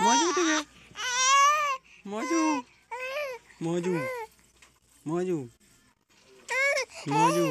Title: Bayi lucu saat nangis